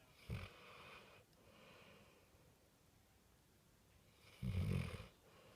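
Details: Sleeping American Staffordshire (pit bull) dog snoring with eyes open, apparently exhausted: two low, rough rattling breaths with quiet gaps between them.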